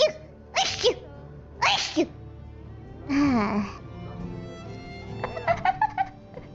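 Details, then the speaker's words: Sneezing repeatedly during a long stream, many in a row: two sharp sneezes about a second apart, then a short squeaky voiced sound and a quick run of small bursts, with soft music behind. "Lots of sneezing today. Okay. How many Yeah. How many sneezes have I sneezed today? Cuz I I keep sneezing like a bunch of times in a row."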